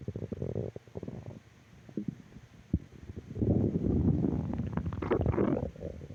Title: Stomach Growl Audio 3